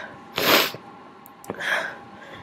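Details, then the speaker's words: Deliberately recorded sneeze in someone who sniffles a lot: one loud, explosive sneeze, followed by a sniff and a softer, breathy follow-through, in a small room. "ishes that I sneezed a little quieter CU it makes it hard to record when I'm not home alone"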